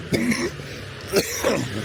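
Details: Adult with a cold that is badly affecting breathing, walking outdoors while sucking a lozenge, gives a brief voiced sound and then a short, sharp cough burst, possibly followed by a smaller second one.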